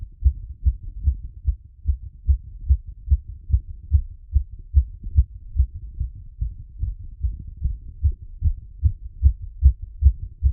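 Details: Heartbeat auscultated with a stethoscope after a workout and squats: fast, regular beats at about 145 a minute; rapid heartbeat after exercise.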